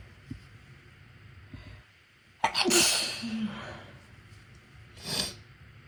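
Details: Self-induced sneezes during a cold, from a tickle in the left nostril: one forceful, explosive sneeze, then a softer second sneeze a few seconds later.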